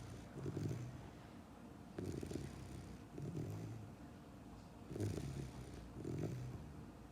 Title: 10 weeks old German Shepherd snoring out loud!